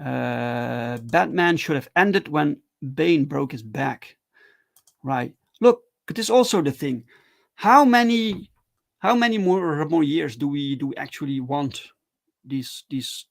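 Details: Male streamer who stutters, with repeated words and phrases: stuttering.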